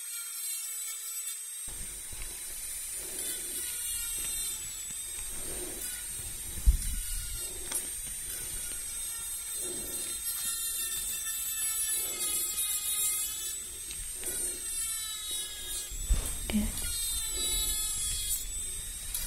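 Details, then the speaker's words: Simulated dental cleaning in an ASMR dentist roleplay, removing dirt between the teeth: high steady whine of a dental instrument with soft scraping and clicks; dental cleaning instrument sound. "I'm going to remove all the dirt that are between your teeth."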